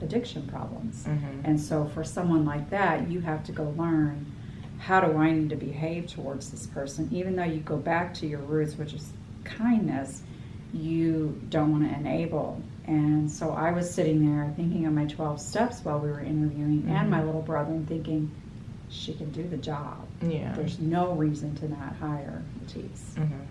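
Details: Adult woman speaking; typical speech.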